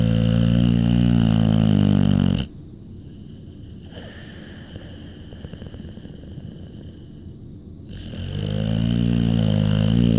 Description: American bulldog Groucho Barx snoring